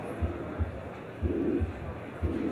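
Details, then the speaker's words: Next Generation Harvey cardiopulmonary patient simulator (manikin): tricuspid regurgitation murmur that varies softer and louder with the respiratory cycle, heart sounds synchronized to breathing in and out. "softer louder louder so the heart sounds are synchronized with the respiratory cycle because sometimes the hard foam to change whether you're breathing in or breathing out"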